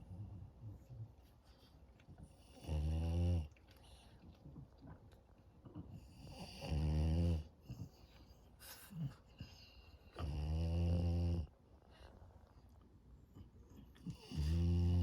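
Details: French Bulldog puppy snoring very loudly on an afternoon nap: loud rattling snores about every four seconds, roughly 15 a minute, with quiet breathing between.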